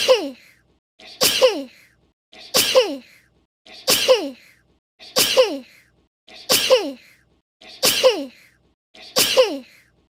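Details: Eight sneezes from a person in a steady run, each a short intake then a sharp burst, about 45 a minute in a quiet room; repeated sneezing.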